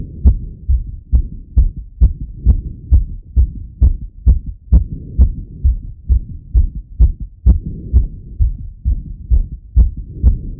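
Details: Male heart auscultated with a stethoscope right after a workout set: strong, regular heartbeat at about 130 beats a minute; normal heart sounds, fast rate after exercise.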